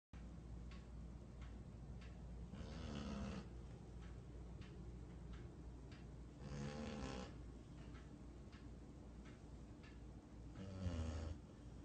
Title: Snoring Dog